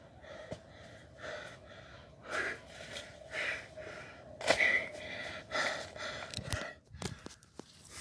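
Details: During a home CrossFit-style workout of burpees and pull-ups in quarantine: repeated loud, effortful gasping breaths about once a second; heavy exertional gasping.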